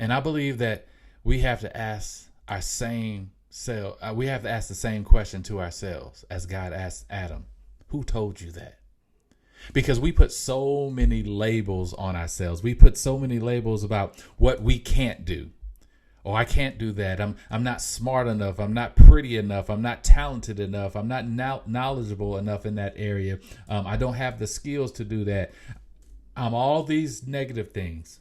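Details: Mild, self-reported stuttering in an adult male podcast host; stuttering.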